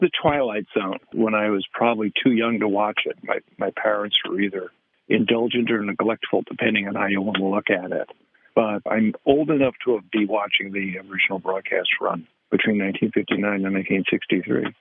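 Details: Adult man; normal speech.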